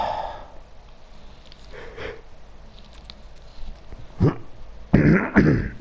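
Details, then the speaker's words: An adult man who has been hoarse for a few days clears his throat in three short, rough bursts while commentating a snooker video game. "Excuse my voice, I'm still hoarse. I've been hoarse for a few days. And sometimes, you know, I need to clear my throat."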